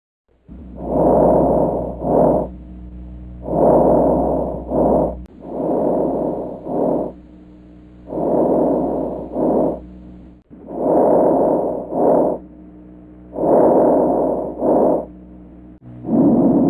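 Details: Harsh, rhythmic breathing at about 23 breaths a minute, each cycle ending in a brief second rush of air; abnormal breath sounds.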